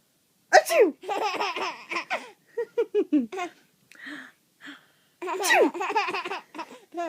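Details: Two sudden sneezes, each followed by bursts of giggling laughter from a young child; sneezing.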